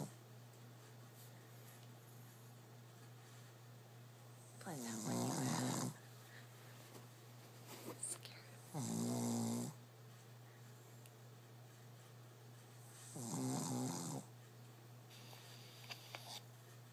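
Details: Shih tzu sleeping on his back under blankets with his head on a pillow: three rough, rattling snores at uneven intervals, about fifteen a minute, over a low steady hum; snoring during sleep.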